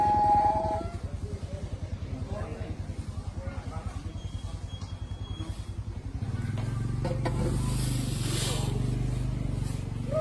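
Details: Deep, rapid rumbling snore with a fluttering pulse, then louder breathy rumbles as a sleeping baby elephant stirs while napping at a sanctuary in Chiang Mai, northern Thailand.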